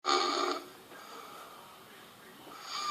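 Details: Short rasping snore, quiet pause, then the next snore beginning, from a sleeping young Welsh woman, recorded overnight on a phone across two hours: snoring.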